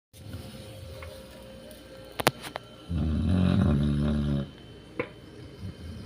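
One loud, rough, rumbling snore from a sleeping dog over quiet room noise, with a few sharp clicks.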